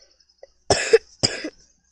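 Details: Two harsh coughs in quick succession, each a sharp burst with a rough tail, in a quiet room; person's cough.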